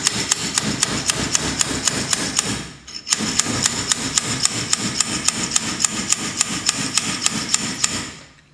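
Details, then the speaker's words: Rapid repeated sharp metallic taps with a brief pause as a weighted handle drives a humeral trial into the humerus, elbow flexed 90 degrees, reverse shoulder arthroplasty instrumentation workshop; mallet impaction of humeral trial. "y finalmente el mango que viene con un peso que nos permite hacer la introducción"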